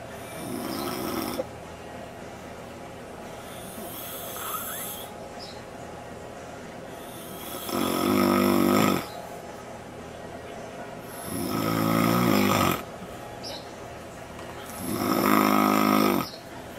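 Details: Man napping in the backyard: loud rattling snores on each in-breath, about 14 breaths a minute; snoring.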